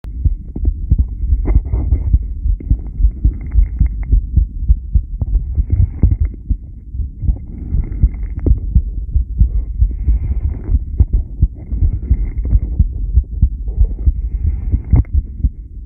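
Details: Subject b1, rebreathing, 10-lead recording: steady, regular low normal heartbeat thumps at the chest, with some rumbling body and breathing noise.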